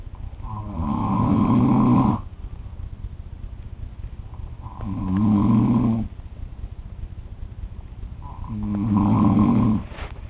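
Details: Adult man (father) recorded snoring in sleep at 3 a.m.: three long, loud, rattling inspiratory snores of about 1.5 seconds each with quiet pauses, about 18 breaths a minute.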